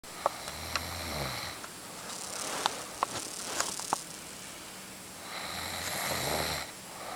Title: oreo snores.